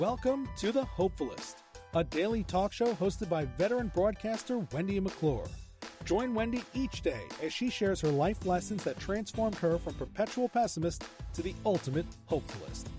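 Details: Adult announcer; normal voice.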